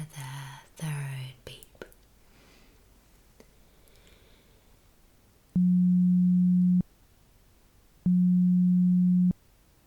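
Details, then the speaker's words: Simulated pure-tone hearing test in an ASMR ear-exam roleplay: brief whispering, then two steady low beeps of about a second each during a beep-timing task. "Okay, now please count the amount of beep sounds that you hear. Okay, can be any from one to 10, maybe even more."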